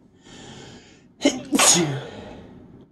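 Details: Brief indrawn breath then one forceful, hissing sneeze amid quiet room noise, from a tired person mostly recovered after a week-long cold; sneeze.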